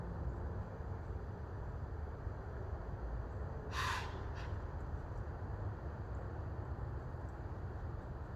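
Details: Deer sneezing: a single short, sharp burst of air with a faint second puff over steady wind and low outdoor rumble; deer sneeze (snort).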